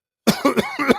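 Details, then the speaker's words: Brief run of three or four harsh, voiced coughs from an adult man speaking live while ill, with a badly strained voice. "Damn. I'm coughing and everything."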